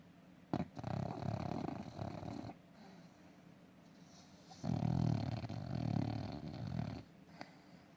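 Two long, low rumbling snores separated by quieter breathing, heard during sleep in a small room.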